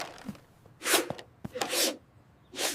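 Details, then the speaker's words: Uncle sneezing: several quick sneeze bursts with short breaths between them in a quiet room. ">> চাচু হাঁচি দিলেন >> কেউ হাঁচি দিলে আমরা তার জন্য দোয়া করি"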